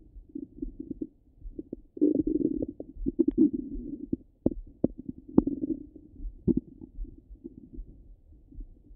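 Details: Ongoing active bowel sounds over the stomach: low gurgling rumbles with scattered clicks and pops.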